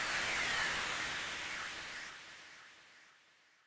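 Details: Steady high hiss with a faint ringing tone that slowly fades; an electronic simulated recreation of one person's own tinnitus, described as buzzing or ringing in the ears.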